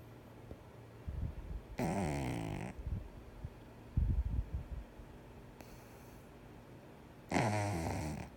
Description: 4 month old pug, snoring with his eyes half open